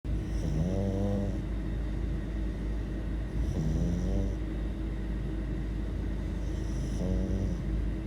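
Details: Shih Tzu snoring: three rising, pitched snores at regular intervals, about one every 3.3 seconds, over a steady low engine-like hum.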